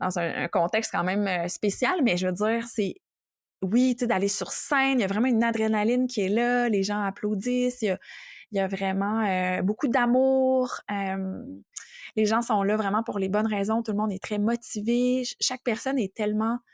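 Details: Adult woman speaking French; normal fluent speech.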